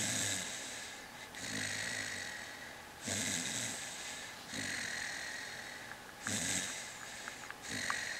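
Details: Rough, rattling snoring, about every one and a half seconds (roughly 39 a minute); snoring.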